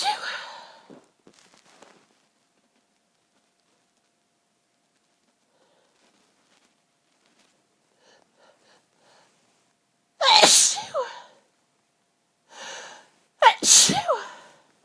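A run of several forceful sneezes, some preceded by sharp indrawn breaths, separated by quiet pauses: a sneezing fit.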